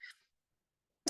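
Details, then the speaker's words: Adult recovering from illness with a lingering "wicked" dry cough and residual nasal symptoms: a single short, hissy cough burst, then silence and the clipped start of another sound. "I have a wicked dry cough, so you might hear that some today."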